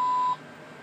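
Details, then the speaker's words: Sigma Spectrum IV infusion pump alarming for air in the line, with a possible upstream occlusion from kinks or closed clamps: a single steady electronic beep, then quiet room noise. "uh piece of advice that it's giving air in line so you want to silence this and it tells you how to uh how to check it so upstream occlusion may exist so check for kinks and closed clamps above the pump"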